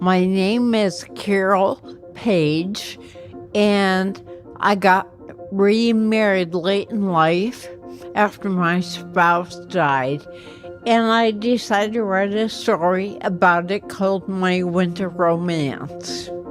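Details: Older woman with ataxia affecting her motor skills and voice; ataxic dysarthria.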